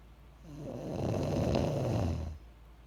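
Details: Single low, rattling snore on an in-breath lasting about two seconds; ordinary snoring.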